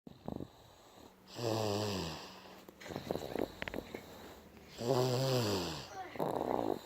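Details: Snoring: two drawn-out, vibrating snores on the in-breath about three seconds apart, with softer breathing noise between.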